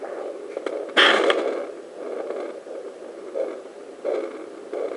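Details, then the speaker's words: Soft rhythmic whooshing pulses about once a second through static from a home fetal Doppler over the placenta: the mother's own pulse, slower than the fetal heartbeat. "my heartbeat off the placenta and you can see the different heart rates and the difference and sounds there"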